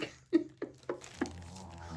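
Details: Resting dog makes four short, soft nasal snorts in quick succession over a quiet room; snoring.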